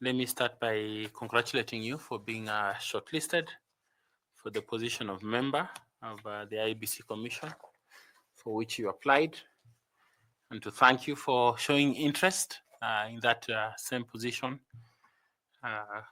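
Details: Adult male speaker; typical speech.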